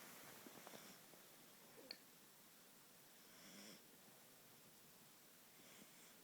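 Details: Snoring in a quiet room: soft, breathy snoring swells that recur every few seconds, with faint clicks in between.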